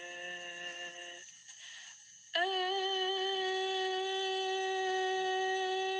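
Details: Endoscopic view of normal vocal folds vibrating on a sustained low-pitched note with relaxed folds; normal vocal fold vibration, sustained note.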